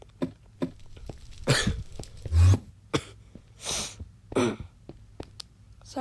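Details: Several short, harsh coughs and throat clearing in a quiet room from a young person still slightly sick, recovering from an illness.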